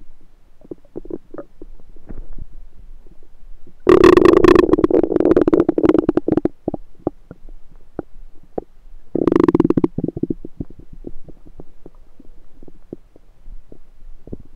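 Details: Frequent gurgling clicks with two long, loud rumbling gurgles, recorded over the recorder's own abdomen with a USB stethoscope; active bowel sounds (borborygmi).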